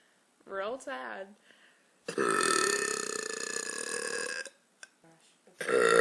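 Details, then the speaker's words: Woman burping: brief vocal sounds, then one long, loud, sustained belch of about two seconds with another starting at the end. "I don't even know where this comes from it's so powerful do you feel the couch"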